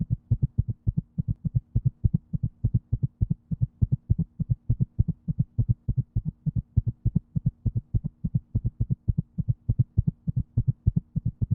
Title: Heartbeat sound #video